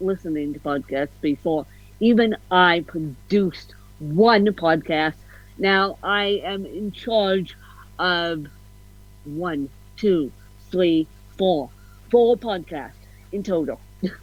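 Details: Adult woman with ataxic cerebral palsy (self-described ataxic-spastic, a "mixed bag" of CP), officially diagnosed at 31, with a slight speech impediment; ataxic dysarthria.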